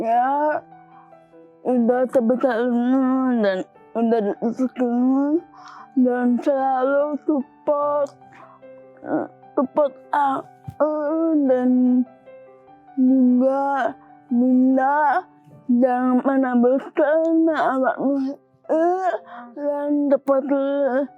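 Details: Young woman with dysarthria from cerebral palsy present since birth, with speech difficulty since childhood; formerly unable to speak, now somewhat improved after therapy.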